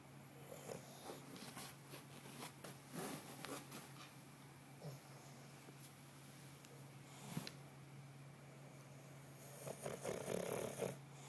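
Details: 8-month-old English Bulldog puppy resting asleep on his bed, with rough, snorting snores amid room noise: snoring.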